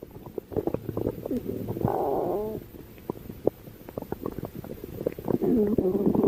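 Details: Loud gurgling and bubbling stomach growls with crackly pops and a few drawn-out rumbles; ordinary bowel sounds (borborygmi).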